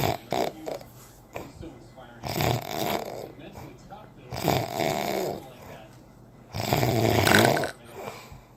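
Loud, rattling breath sounds come in uneven bursts with some throat noises between them, consistent with heavy snoring.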